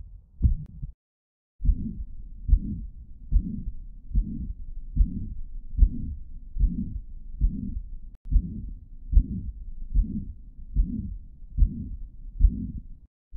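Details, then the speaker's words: Bioprosthetic heart valve: regular heartbeat about 73 a minute with a soft murmur between normal-sounding heart sounds, as heard with a functioning biological prosthesis. "as próteses biológicas apresentam sobre os suaves quando estão funcionais e com as bolhas normal fonéticas"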